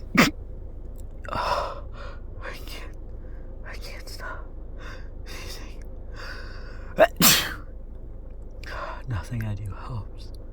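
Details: Person with a cold sneezing, possibly trying to stifle the sneezes: two sharp sneezes, each preceded by a quick indrawn breath, with soft whispered speech between them; repeated sneezing.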